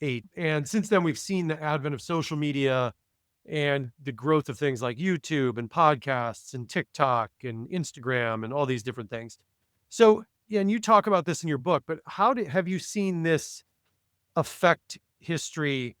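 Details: Adult male speaker; normal speech.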